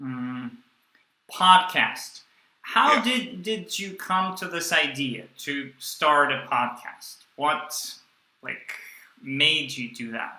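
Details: Young adult man who stuttered through his first 18 years and took the Starfish project course; he still stutters and blocks and uses a breathing technique only some of the time. Stuttering.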